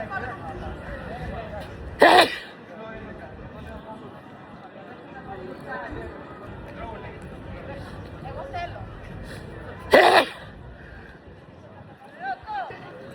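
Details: Person sneezing in a sneeze compilation: two sharp, explosive sneezes about eight seconds apart over background chatter and room noise.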